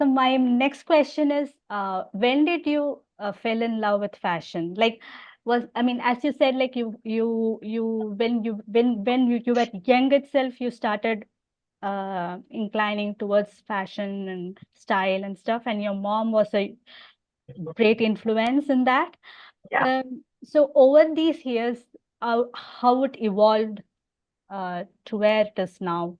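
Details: Adult host who stammers and also has hearing loss, speaking naturally while introducing a podcast guest; repetitions and fillers are audible; stammering.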